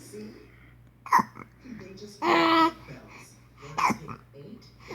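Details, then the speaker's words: 5-month-old baby boy with hiccups: soft vocalising with two or three abrupt, sharp hiccup catches and a brief squeal. "What in the world kind of hiccup is that?"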